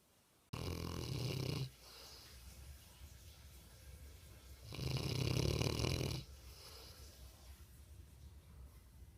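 Two long, loud, rattling inward snores about four seconds apart, with quiet breathing between them; snoring in a large sleeping dog.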